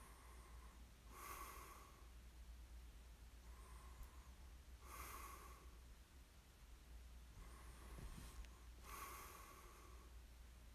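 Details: Snoring during sleep: regular soft, snorting breaths about every four seconds, roughly 16 a minute, over a low steady hum; light snoring.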